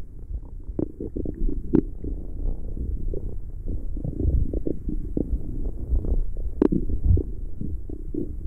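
Continuous low gurgling and rumbling with scattered pops: ordinary stomach growling from gas and fluid moving through the gut.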